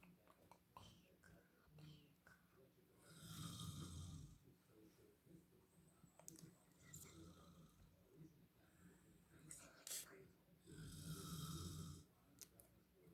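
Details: Dad snoring, recorded from outside his closed bedroom door: two long, rough snores about seven seconds apart, muffled by the door, with faint room noise between them.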